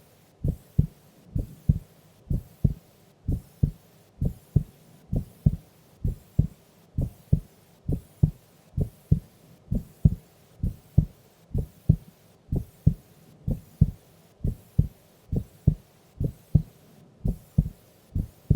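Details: Sleeping woman during an afternoon nap: steady, soft heartbeat at about 65 beats a minute with clear paired beats and no added sounds; normal heart sounds.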